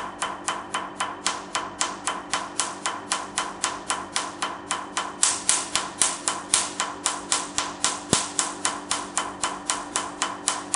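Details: Steady, sharp snapping clicks at about 230 a minute, the firing pulses of a Q-switched Nd:YAG laser during a "black doll" skin treatment, with the patient saying it hurts but is bearable.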